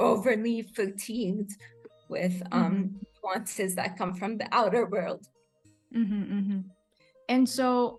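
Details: Adult woman with rare degenerative cerebellar ataxia of unknown cause, diagnosed as a pre-teen; slurred speech began in her early teens; has had speech therapy; slurring worsens with fatigue or emotion; ataxic dysarthria.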